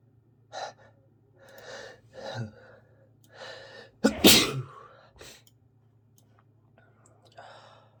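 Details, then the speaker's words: Sick with a congested cold, recorded during the illness: several noisy breaths and sniffs build up to one forceful sneeze, then more breathing, as part of a sneezing fit. "Oh, God. I'm gonna sneeze again. Here it comes. I'm gonna sneeze."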